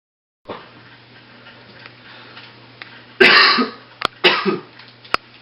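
Two short, harsh coughs from an adult in a quiet room, acted for a comedy skit.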